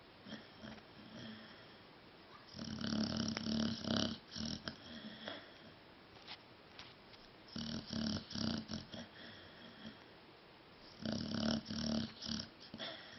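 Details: Dog snoring and dreaming while asleep: three loud, rattling snoring breaths about every four to five seconds, with quieter breathing between.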